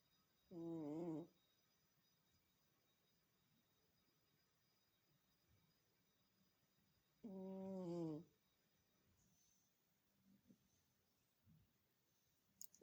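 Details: Sleeping cat snoring loudly: two loud, brief, voiced snores about seven seconds apart in a quiet room.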